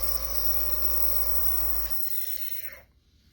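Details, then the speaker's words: Steady low motor drone of a running home nebulizer compressor used with tubing and mask for hydrogen peroxide solution, producing mist, then winding down and stopping into quiet. "so connect that and then you're going to want to turn it on just one switch and you'll see that it's going to start steaming"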